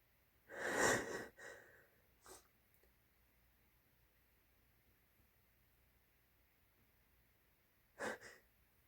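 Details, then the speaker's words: Adult sneezing after big buildups, one loud explosive sneeze, smaller sniffs, then a second short sneeze, with "I'm gonna sneeze again" and a tickly nose; ordinary sneezing. "Oh, I'm gonna sneeze again. Oh my god. Oh wow."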